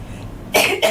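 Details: Adult woman with a cold, voice croaky, after her husband had it first: brief quiet, then a short, sharp cough followed by a smaller second burst; cough.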